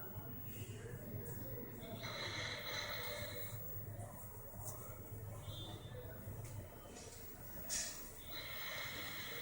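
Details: Dog asleep while the family watched TV, making quiet, rough snorting breaths with soft hissing; dog snoring.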